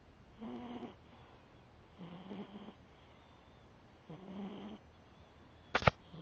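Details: Deeply sleeping foster cat, nostrils visibly flaring, hard to wake: three rough, rattling snores about every two seconds, then a brief sharp noise at the end; loud snoring.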